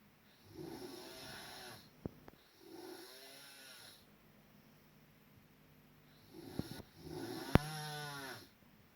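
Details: Three loud, rattling snores on inhalation with quiet pauses between, in a small room; snoring.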